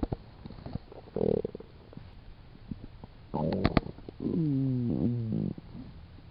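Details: Irregular gurgles and drawn-out rumbling groans from the belly; ordinary stomach growling (borborygmi).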